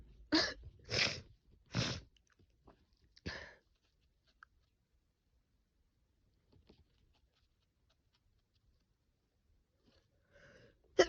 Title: I have a cold so i sneeze a lot